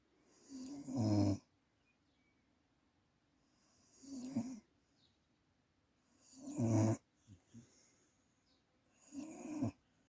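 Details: Regular rumbling snores with a breathy hiss, about one every three seconds (roughly 20 a minute), with quiet pauses between them: snoring in a sleeping pet.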